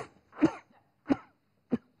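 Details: Acted skit in a Vietnamese TV health segment on pneumonia and passive smoking: three short dry coughs in quick succession after cigarette smoke is blown into the face.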